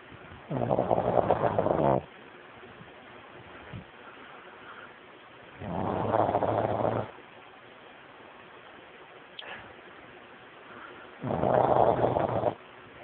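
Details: Three loud, rough inspiratory snores about every five seconds, with quiet between, from a pug sleeping at night. The owner says he snores nightly and is sometimes super loud; snoring.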